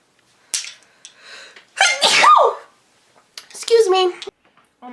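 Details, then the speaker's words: Woman sneezing, announcing she's going to sneeze and had a half sneeze, then blowing her nose: voiced, breathy bursts with a drawn-out vocal sneeze mixed with brief speech in a small room. "Oh god, that was a half sneeze. Oh god, I'm going to sneeze. Gosh, I'm going to sneeze."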